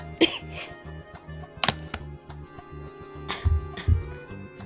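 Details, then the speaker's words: About four short, muffled cough bursts from an adult in an acted comedy school scene on a cold winter day, with steady background music, as the character tries to suppress the cough: a plain cough. "अरे यार अब सब मुझे ही देख रहे होंगे यार ये खांसी कंट्रोल कर ले थोड़ी देर बस कंट्रोल"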